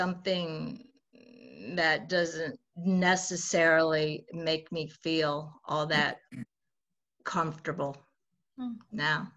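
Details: 68-year-old woman who has stuttered since childhood; stuttering.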